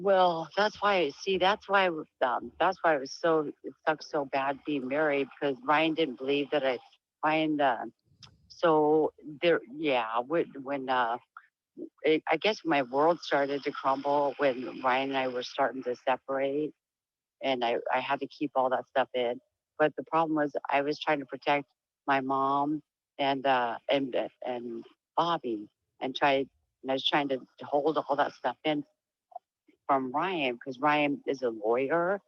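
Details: Speech changes in an adult woman with diagnosed Huntington's disease, whose voice is described as lower and very different from before; she reports sometimes stuttering and has trouble staying on topic, tending to trail off.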